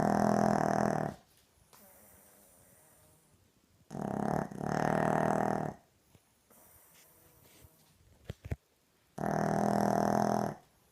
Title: Pug snoring LOUDLY #2 LMFAO You've been framed